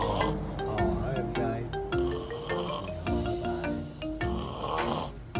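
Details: Loud, rough snoring from a sleeping adult, about 100 snores a minute, with music and singing playing over it.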